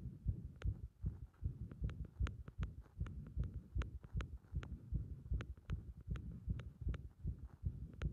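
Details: Compression heart sound with a bursting-like arrhythmia: muffled, rapid heartbeats with uneven spacing between thumps.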